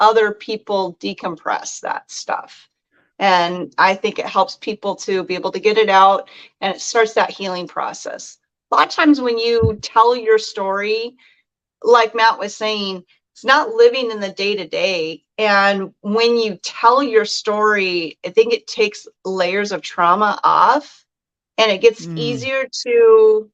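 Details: Adult speaker; normal speech.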